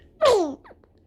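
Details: Nine-day-old newborn baby: one brief, high-pitched sneeze with a falling squeak, followed by a soft breath; a normal infant sneeze.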